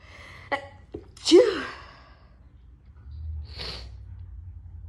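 A short intake of breath, then one loud explosive sneeze followed by a quiet exhale. A single ordinary sneeze.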